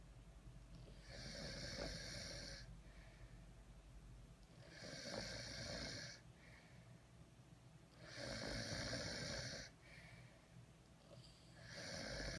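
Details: Loud, rough snoring from a sleeping French Bulldog, about 18 breaths a minute, with a rattling buzz on each breath and a quieter noisy exhale between.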